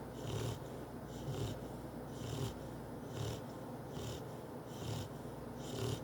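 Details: Pet named Cocoa snoring in sleep: rhythmic low rumbling snores with a hissing edge, about 65 breaths a minute.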